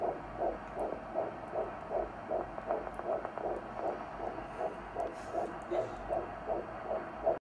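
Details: First time hearing the fetal heartbeat: rapid, regular whooshing at about 150 beats a minute, a normal fetal rate.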